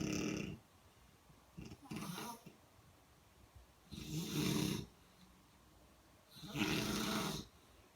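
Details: Four loud, rough, rattling snore bursts in eight seconds, separated by quiet pauses in a small room during sleep: snoring.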